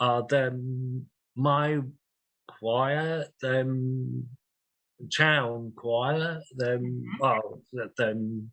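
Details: Aphasia in a real 67-year-old man after two large strokes, 18.5 and 6 years earlier; he uses a communication board.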